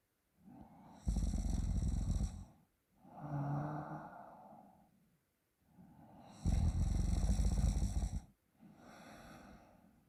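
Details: Sleeping adult snoring while a friend manipulates the sleeper's throat: loud, harsh snores on the in-breaths alternating with softer, breathy out-breaths.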